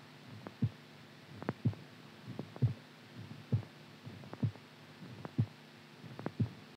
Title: IRREGULAR HEARTBEAT SOUND SLEEP